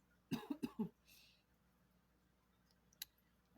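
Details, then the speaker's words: Adult feeling mostly better after an illness, with a lingering cough: a quick run of four short, dry coughs in a quiet room, then a soft breath out. "I just want to notice that if I cough or something he'll get up and leave the room it's like oh um excuse me for uh being loud I think I'm gonna have to invest in some cough medicine it's not good"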